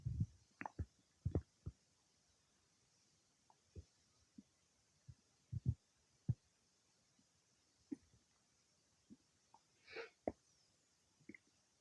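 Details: Bowel sounds some time after eating cake: quiet, irregular gurgles and short pops from the belly, about twenty in twelve seconds; normal digestion after a meal.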